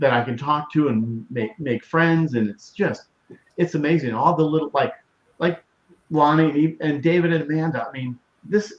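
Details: Aphasia after a severe stroke in 2020 in an adult woman, initially global aphasia affecting expressive speech, with ongoing word-finding difficulty.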